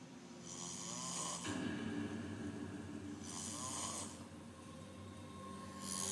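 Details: Snoring from a sleeping person.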